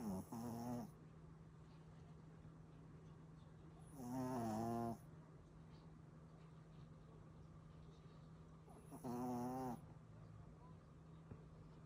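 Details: Dog snoring while sleeping: three loud, tonal, buzzing snores about 13 per minute over steady low room hum.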